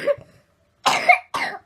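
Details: A sick toddler refusing cough medicine gives two short, harsh coughs in a row after a brief vocal sound.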